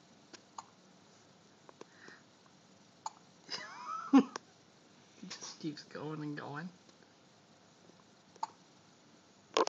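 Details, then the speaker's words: A child with hiccups while his father talks to him about fixing them. "he son what's up got the hickups there is little easier on you can we fix the his now daddy fix the hicups"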